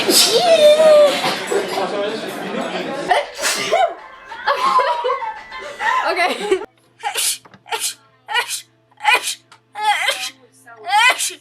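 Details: Laughter and voices, then a run of about seven short, sharp sneezes in quick succession from a person who says they are sick; repeated sneezing.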